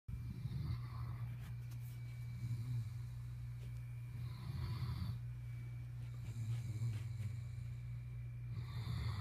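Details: Asleep in bed: low, soft, rumbling snores, about one every two seconds, over a steady background hum. Snoring.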